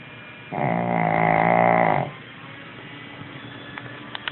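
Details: Sleeping 11-year-old Shih Tzu dog: one long, loud, buzzing snore lasting about a second and a half, then quiet breathing; snoring.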